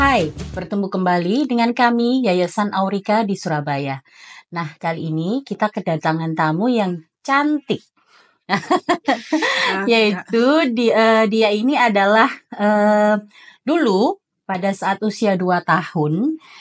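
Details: Adult woman speaking Indonesian; Normal speech.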